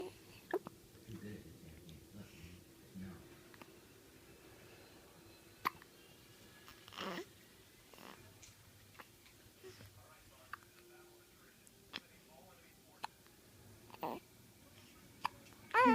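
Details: Soft, sharp little clicks about every second, roughly ten in all, in a quiet room, from an infant, with a parent speaking afterward; a bout of infant hiccups.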